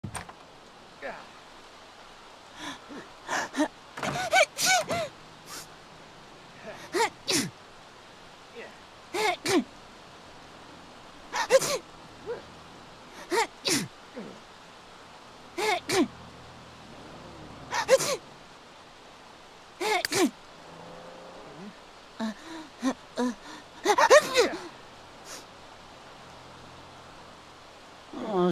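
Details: An adult woman has a long sneezing fit, about ten sneezes in a row with quick gasping inhales between the bursts.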